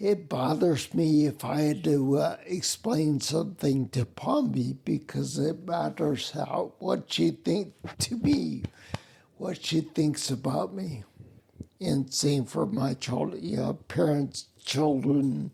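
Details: Man with spinocerebellar ataxia (SCA), a rare neuromuscular disease that also causes mobility problems, staggering and noise-induced anxiety; he reports a speech impediment with slurring that makes him sound drunk; ataxic dysarthria.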